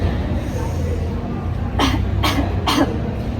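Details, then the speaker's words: Voluntary cough: preoperative coughing exercise demonstrated before eye surgery, sitting comfortably after deep breathing; take a deep breath then cough gently to clear mucus from the lungs, three short deliberate coughs after a pause. "Now for cooking exercise, take a deep breath. Then cough gently to remove mucus from your lung like this."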